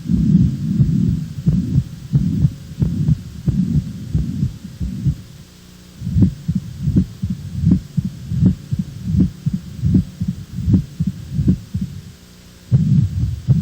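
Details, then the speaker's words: Teaching recording of heart auscultation illustrating valve lesions: heart sounds at about 80 beats a minute with a rough whooshing noise between beats from turbulent flow, a valvular heart murmur. "Os sopros são vibrações decorrentes de alterações do fluxo sanguíneo, viscosidade e turbilhonamento, que ocorrem principalmente nas lesões valvulares."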